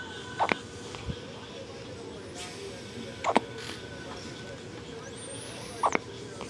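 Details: An infant's first hiccups: three brief, sharp gulping sounds about every two and a half seconds over a quiet room hum.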